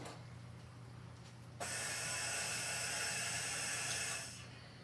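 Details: Mallard 2800 anesthesia ventilator bellows demonstrated without a patient, flow set to drive about 17–18 liters per breath over 2.5 seconds for a large animal: low machine hum, then a steady rushing hiss of gas for about three seconds that fades.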